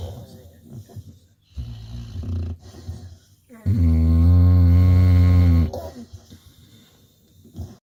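Loud, low, rattling snore on a breath, with quieter noisy breaths around it; typical snoring of a short-nosed dog.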